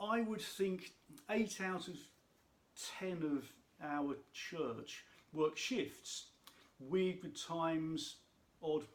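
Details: Adult man who states he has a stammer, which he says can be heard in his speech; stuttering (stammer).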